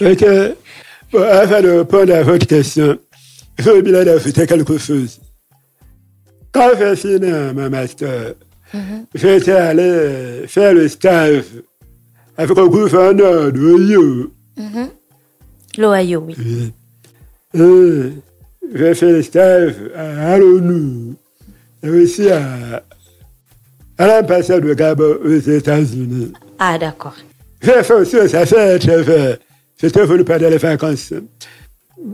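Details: Deaf man who lip-reads, deaf since a childhood illness, who says his voice has not sounded normal since a childhood throat operation; speaking French; deaf speech with altered voice.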